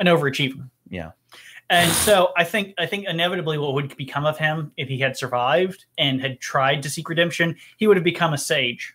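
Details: Adult male speaker, with brief interjections from another person; Normal conversational speech.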